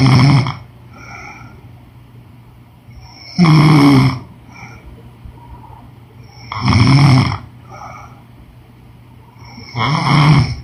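Four low, rumbling snores at a steady pace of about 18 breaths a minute, with soft breathing between; ordinary snoring.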